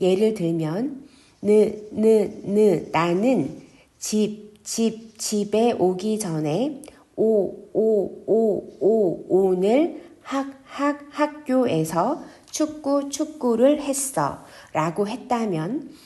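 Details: Adult speaker imitating stuttered speech; stuttering (repetitions).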